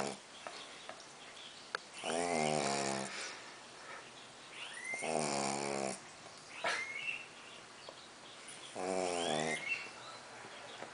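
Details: Pug snoring heavily while asleep: loud, fluttering, buzzy snores about every three to four seconds, with faint whistling and snuffling between them; flat-faced dog snoring.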